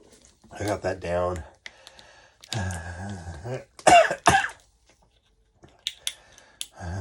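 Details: Adult man with chills and possible COVID (test negative) groans and clears his throat, then gives two sharp coughs after cayenne oil went up his nose; cough.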